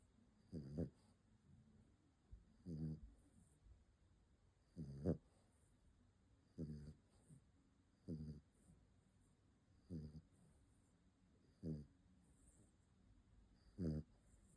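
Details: Snoring from a sleeping dog named in the caption: regular low snorting snores, about 33 a minute.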